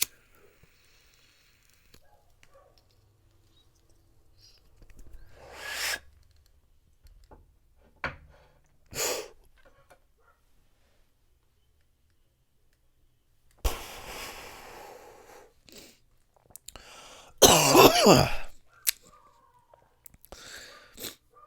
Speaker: it's because after 27 years of smoking weed I finally got that smoker's cough going woo it's a good thing I don't smoke the cigarettes anymore